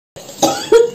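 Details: Adult with a cough lasting over five years, with breathlessness after coughing, during a ruqyah session: two to three harsh rough cough bursts in quick succession; chronic cough.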